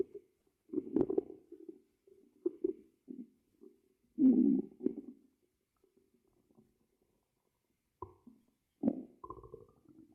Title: Stomach growl.I Tried Monitoring it!